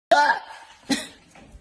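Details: Two short voiced coughs about a second apart in a quiet room, from a person with hiccups testing whether they are still hiccuping.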